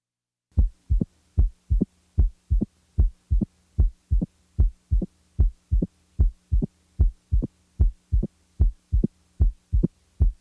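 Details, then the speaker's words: Opening snap: regular heartbeat about 75/min with a short, sharp, high-frequency sound 60–100 ms after S2 in early diastole, typically from mitral stenosis; heard best with diaphragm pressed firmly, unlike a lower-pitched, later S3. "now the third heart sound the opening snap is best heard with the diaphragm firmly pressed while the s3 is best heard with the bell lightly held"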